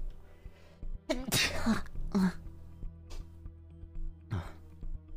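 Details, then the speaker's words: Sudden sneeze from a live streamer, followed by another person asking whether it was a real sneeze. "is that a real sneeze"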